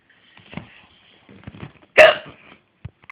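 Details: Infant hiccups on demand: one loud, abrupt hiccup with a few softer catches of breath around it.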